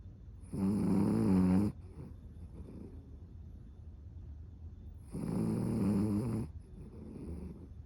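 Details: Cavapoo dog snoring loudly: two loud, rattling snores a few seconds apart, quiet breathing between; ordinary snoring.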